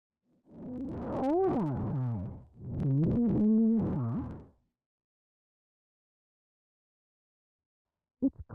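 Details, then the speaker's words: Simulation of severely distorted speech in auditory neuropathy spectrum disorder in a child: the sentence "It's cold outside, can you please bring me your socks" smeared into warbling, unintelligible voiced sound. "you will hear a sentence repeated four times the first sentence as an example of how severely distorted speech may sound"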